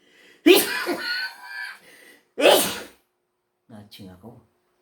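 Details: Sneezes during a video-shoot blooper: two sharp, explosive bursts about two seconds apart, each preceded by a quick intake, then a few soft voiced sounds; sneezing.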